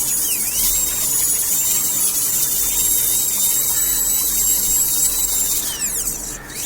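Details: Dental rotary handpiece during root canal treatment of curved canals: a high, steady whine running for several seconds with slight pitch dips, over faint room noise.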